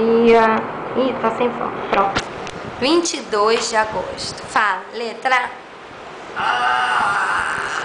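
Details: Patient with amyotrophic lateral sclerosis (ALS) in a speech therapy session; finding: mixed dysarthria with spastic features.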